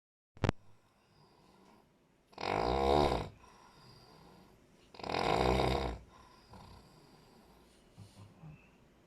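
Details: Two loud, rasping snores about three seconds apart, with quieter breathing between and a sharp knock at the start; snoring.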